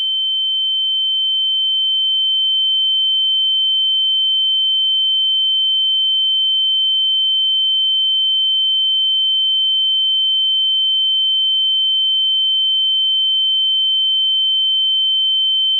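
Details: Steady, high-pitched pure tone holding unchanged throughout: simulated tinnitus ringing.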